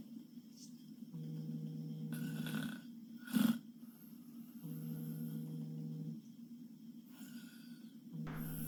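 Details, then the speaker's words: Korean woman snoring, apparently on her back; the commenter suspects sleep apnea or tonsils: steady low droning snores about 17 a minute, with a brief snort-like burst between two of them. "this Korean lady seriously needs to get her tonsils removed because she's snoring like she has a [Music] cold"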